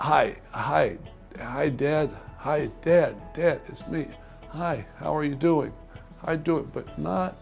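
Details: Person with aphasia in an intensive aphasia program, speaking with nonfluent, repetitive, limited phrases; aphasia here is described as language loss typically from neurological injury such as stroke.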